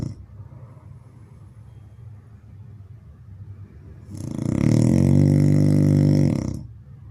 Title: best snoring sound